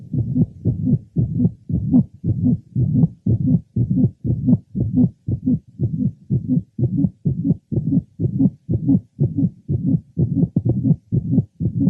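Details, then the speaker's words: Mitral valve prolapse: a very faint, musical late systolic murmur (systolic whoop or honk). "it can go and still at other times it is very faint and one would hear"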